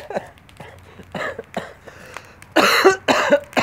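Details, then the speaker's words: An adult man, who says he does not smoke but sounds like a smoker, gives a run of about six coughs, the last two loud, harsh and forceful. "and girls I sound like her I sound like a smoker when I cough but let me reassure you I have not been smoking"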